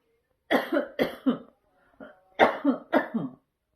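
Two runs of three quick voiced coughs separated by a short breath; a cough.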